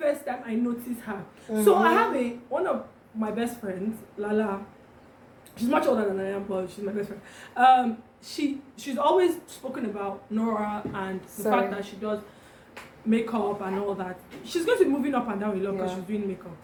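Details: Adult woman; typical speech.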